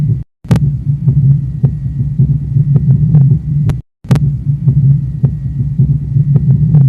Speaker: mas um ritmo de galope contém outros dois sons S3 e S4 a presença de ambos os sons formam galope quadroclui